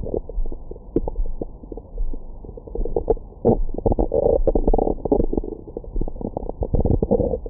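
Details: Adult's abdomen after a large meal, recorded with a Stemoscope stethoscope microphone for ASMR: frequent gurgles, clicks and rumbles; normal active bowel sounds.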